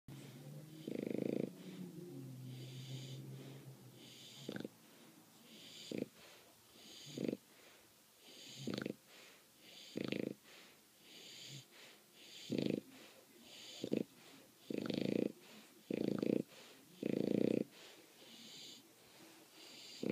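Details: Bulldog, asleep after the dog park, snoring: short, irregular snorting and snuffling breaths, about ten in twenty seconds, with noisy nasal breathing between.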